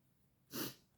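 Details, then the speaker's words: An adult sneezes again. "Oh, je vais éternuer encore."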